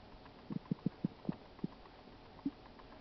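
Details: Stomach sounds: a series of soft, short gurgles and pops over a quiet hiss, ordinary bowel sounds of digestion.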